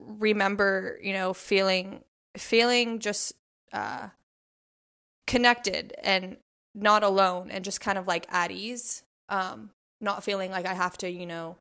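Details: Adult woman, a self-identified covert stutterer who prolonged 's' sounds as a child, has blocks, pauses before words and hides her stutter by switching words and blinking; covert stuttering.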